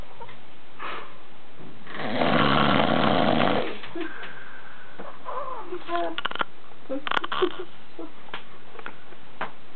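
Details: Adult man passed out drunk on a bed after a long day of drinking: one loud, rough two-second snore, then quieter breathing with faint snorts and clicks in a small room.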